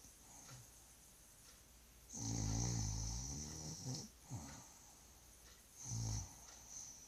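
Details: Low, fluttering snores from a sleeping dog: a long rumbling breath followed by shorter snorts; ordinary snoring.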